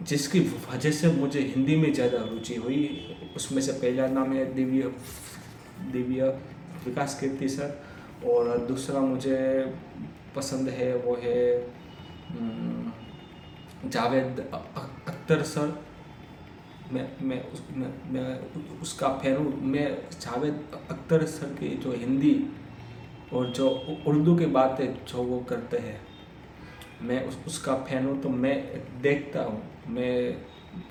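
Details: Adult man's own speech in Hindi, self-reported stammering, filmed on day 1 of a daily speech practice routine (tongue, lip and breathing exercises); stuttering.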